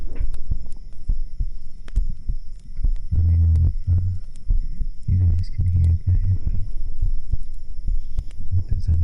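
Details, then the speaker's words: Normal heartbeat recorded during an ASMR session by a microphone held against the speaker's own chest: muffled low thumps, with the speaker's voice booming through the chest. "So I'm holding the microphone against my chest, and you can hear, I guess, the voice in my chest. But I think it might be a bit too loud."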